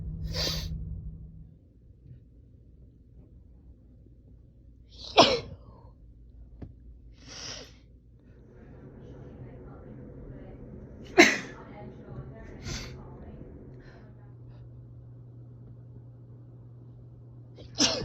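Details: Woman with a Christmas cold: series of about six sneezes, some soft and some sharp, with quiet breathing between; repeated sneezing including doubles.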